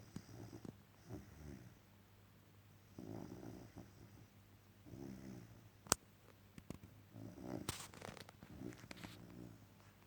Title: Dog snoring after an exhausting day at work..